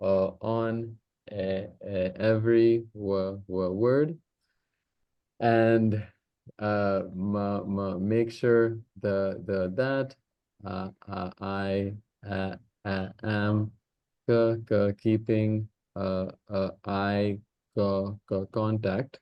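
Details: Host deliberately demonstrating high-frequency light voluntary stammering, bouncing slowly on the first sound of every word; voluntary stuttering (bouncing).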